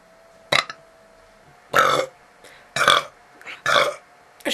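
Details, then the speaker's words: Person burping on purpose, belches they call less impressive than usual: four loud, rough belches about a second apart, quiet pauses between, faint steady background tone. "usually my burps or belchers as you may call them are slightly more impressive than that"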